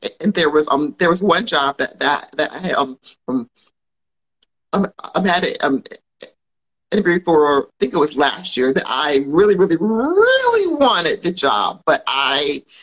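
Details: Adult woman who grew up with a stutter and still has it, though many would not notice; speaking on a live podcast recording; stuttering.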